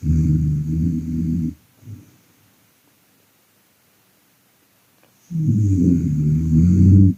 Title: When your wife snoring